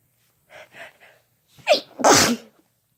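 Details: Sneezing together by a man and a woman: a few short in-breaths, then a sharp explosive sneeze; an ordinary sneeze.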